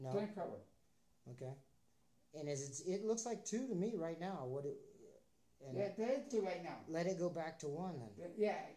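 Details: Adult speaker; ordinary speech.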